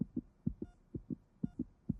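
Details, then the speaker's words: Fast, regular paired thumps, roughly 125 a minute, with faint beeps: a fetal heartbeat during a pregnancy ultrasound scan in a dramatized film scene. "దడదడమని నా గుండె ఎలా కొట్టుకుంటుందో అది నీ హార్బిట్ కాదు"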